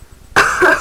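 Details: A single harsh, forceful cough from an adult who is sick, reportedly sick every year around Valentine's Day, and plans to take cough syrup.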